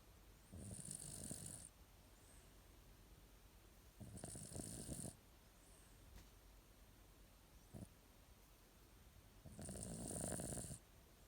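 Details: Male cat sleeping deeply: three long, rough, hissing snores at steady intervals with quiet breathing between, about 16 breaths a minute; snoring.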